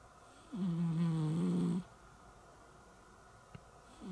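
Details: Cat's snoring measured with a noise meter: a single loud, low, buzzing snore lasting about a second during sleep, then quiet room noise; owner notes snoring may be due to obesity.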